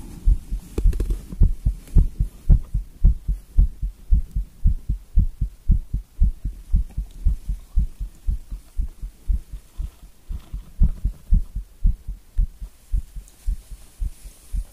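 Strong, regular heartbeat at roughly 110 to 115 beats a minute, a fast and forceful pounding rhythm.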